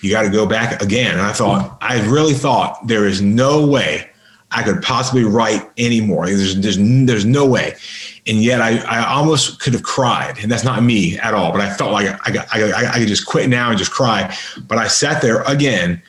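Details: Adult man with a lifelong severe stutter, improved through extensive practice and an intensive stuttering school and still stuttering somewhat, in podcast conversation. This stretch has repeated words and part-words: stuttering.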